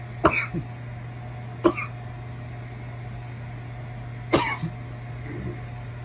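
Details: Irritant cough while smoking a bong: three harsh, separate cough bursts over a steady background hum.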